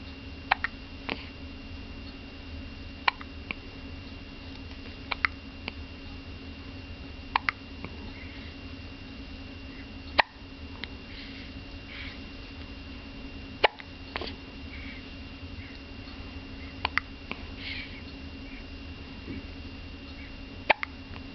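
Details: Baby's first hiccups: brief, sharp hiccup clicks every few seconds, about eight in twenty seconds, over a quiet room hum.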